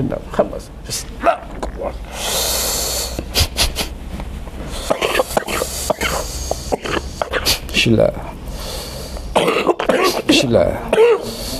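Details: Cough lasting over a decade, which the patient's healer attributes to sorcery: repeated harsh coughs and throat clearing mixed with talk and room noise; chronic cough.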